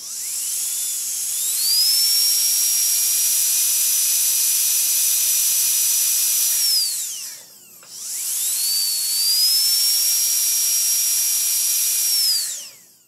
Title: Dentist Drill Start with Various Runs and Stop CSE